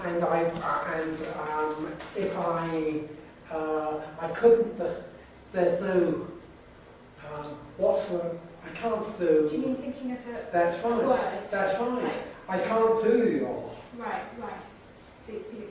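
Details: Severe aphasia after stroke in a man, a former teacher, with markedly limited spoken vocabulary; he can read somewhat better than he can speak.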